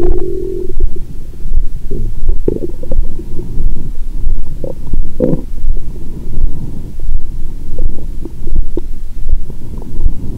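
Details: Almost constant low gurgling and rumbling through a stethoscope on the belly with a faint steady heartbeat underneath (fast after wine); after large meal following 22-hour fast, belly still swollen: active bowel sounds.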